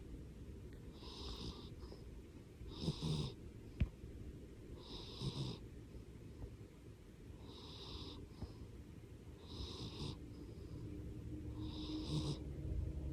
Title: Lap cat snores